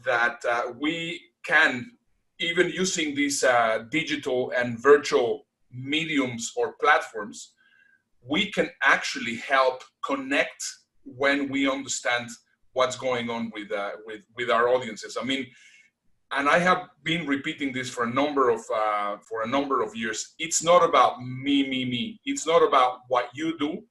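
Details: Adult man speaking; normal speech.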